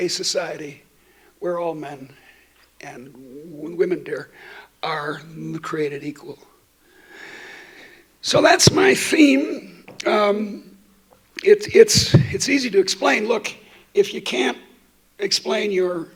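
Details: Adult woman who states she stutters, speaking while she also has a terrible cold affecting her voice; stuttering.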